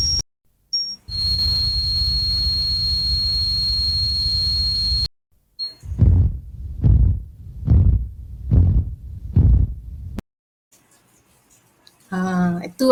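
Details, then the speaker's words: Simulated tinnitus examples played by an audiologist: a steady high ringing tone, then rhythmic low pulsing thumps at about 72 a minute, simulating ringing and pulsatile tinnitus. "jadi mungkin ada di antara kita yang tengah menuntun FB lightning yang mungkin pernah dengar bunyi tes atau mungkin ada yang tak pernah jadi kalau ada yang tak pernah in kita beli dengan beberapa contoh bunyi tes"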